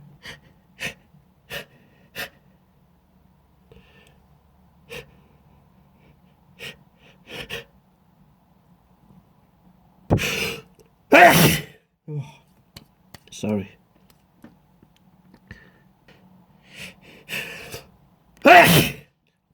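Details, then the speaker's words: An adult on a video conference call lets out several loud, explosive sneezes with quiet pauses, small sniffs and "excuse me" between them. "I'm just gonna have to take a pause here it's a sneeze so try not to keep watching me keep yourselves busy for a moment"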